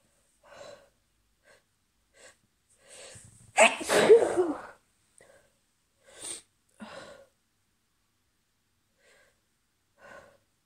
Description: These happened about 5 minutes after the other fit. Might have to take an allergy pill at this rate 😅